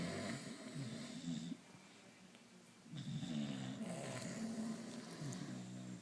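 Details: Snoring contest between a dad and another family member: loud, rattling snores in overlapping bouts with a brief quieter gap, from more than one sleeper, in a small room; snoring.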